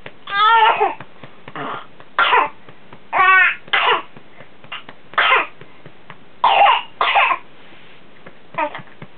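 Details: A boy coughs in a run of about nine harsh bursts and is urged to spit it out, recorded for his doctor after antibiotics for pneumonia; whooping cough is suspected but unconfirmed.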